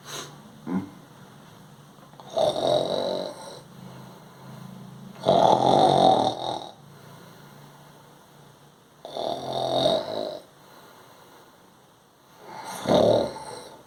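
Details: Imitated snoring: four loud rattling nasal snores roughly every three to four seconds, with quieter breathing between.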